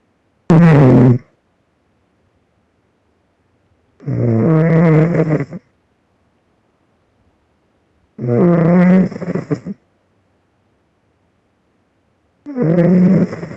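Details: Snoring heard during sleep: loud, rumbling snores recurring about every four seconds, roughly 15 a minute, separated by silence; ordinary snoring.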